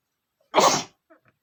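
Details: Adult male sneezing after smelling flowers, at first trying to hold back: a single short, partly stifled sneeze burst, followed by faint small sounds.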